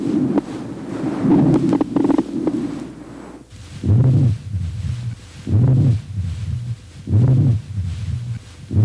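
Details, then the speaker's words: Wheezes on lung auscultation in a nursing exam lesson: repeated high-pitched, musical whistling sounds on inspiration and expiration, multiple and widespread over the chest, suggesting airway narrowing as in bronchial asthma, bronchitis or localized obstruction. "e o sibilo são sons agudos de alta freqüência múltiplos e disseminados por todo o tórax que sugerem o estreitamento das vias respiratórias e aparecem na inspiração e na expiração"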